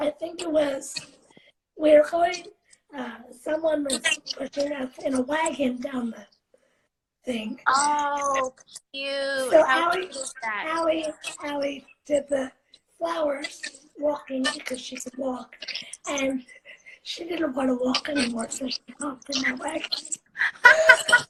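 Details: 17-year-old living with cerebral palsy, speaking spontaneously in a live interview; dysarthria (cerebral palsy).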